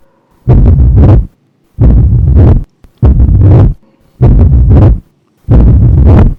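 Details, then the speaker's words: Mitral stenosis murmur, slowed playback, in a 12-year-old girl with rheumatic mitral stenosis in sinus rhythm: low rumbling murmur filling almost all diastole, starting with loud events near second sound (likely loud P2 plus opening snap), increasing to loud first sound. "miter stenosis murmur start somewhere in the mid testing with a with a opening snap and then it goes on increasing in intensity and stops with the loud first sound"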